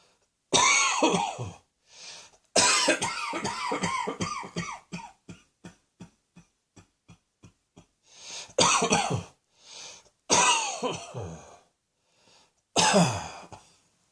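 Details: Repeated coughing: several loud, harsh coughing bouts, one breaking into a rapid run of short hacks, with pauses between.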